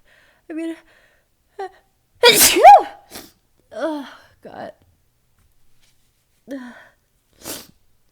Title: Late night sneezes with teasing buildup! (f)